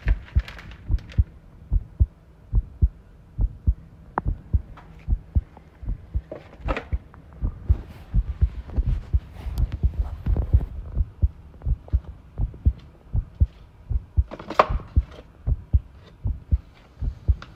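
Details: Heart sounds recorded while the person tidies a room, ASMR, stated to include arrhythmia; strong low beats about 75 a minute with uneven spacing in places, rattling room noise. Irregular heartbeat.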